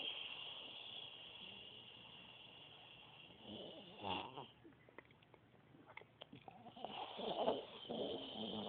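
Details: Woman snoring loudly in sleep: irregular, rattling snoring sounds over steady room noise, with a louder snort-like burst midway.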